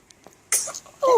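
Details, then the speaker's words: One-day-old newborn girl, looking into bright lights: a tiny, soft sudden burst followed by brief infant fussing cry; a newborn's small sneeze, possibly light-triggered. "see the light looking into the Lights making her sneeze like it does me you're taking after daddy with that"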